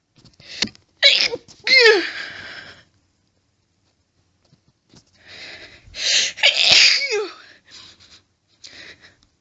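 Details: Woman in a violent, intense fit of stifled sneezes, with stifling making her nose itchy: two bursts of several sharp, harsh, explosive sneezes in quick succession, with a quiet pause between.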